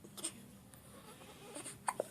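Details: Soft, brief hiccups from a 4-day-old newborn baby boy in a quiet room.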